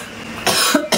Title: bakit ubo ng ubo?